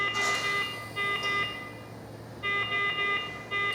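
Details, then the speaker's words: iX5 mechanical ventilator in a training demonstration, just after starting ventilation without compressed air connected: repeating clusters of high electronic tones over room hum, a low air supply pressure alarm, stopped by setting FiO2 to 100%. "eu havia mencionado mas não estamos trabalhando com ar comprimido então ele está dando aqui o alarme de pressão de ar baixa"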